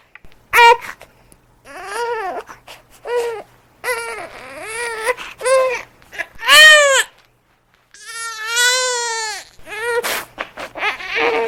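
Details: Newborn baby crying, possibly from hunger: repeated high-pitched wailing bursts separated by brief breaths, with one longer sustained wail near the end; ordinary infant crying, presented as a sound effect.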